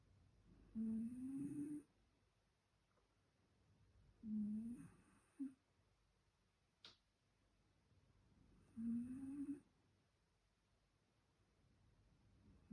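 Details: Cat snoring loudly in rising, buzzing breaths, about one every four seconds, in a quiet room: snoring.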